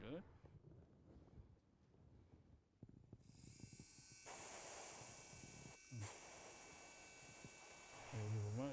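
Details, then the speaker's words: Hands-on short-implant placement with a 485 kit, intermediate step using a 6 mm long pilot drill to the laser mark: steady high-pitched surgical drill whine with a brief pause, dental implant site drilling. "so up to laser marked area i drill in then here as a final step 5.0 by 6 millimeters 485 drill will be used"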